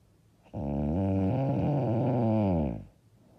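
One long, loud, rattling snore on a breath, lasting about two seconds.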